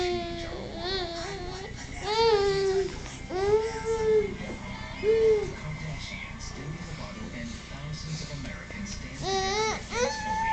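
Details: A baby gives short fussing cries, with music and room noise in the background; infant cry.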